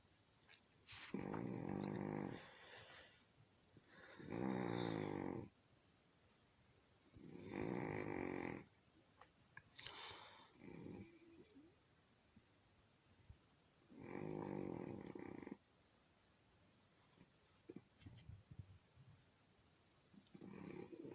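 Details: A sleeping pet cat snores in soft, rasping breaths about every three seconds in a quiet room.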